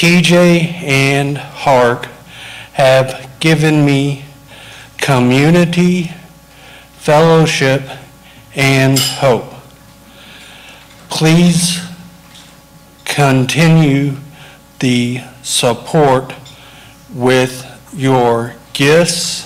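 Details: Aphasia in an adult man after a stroke larger than first thought, which doctors initially said had spared his speech center; speaking was his biggest challenge; speech improved with therapy.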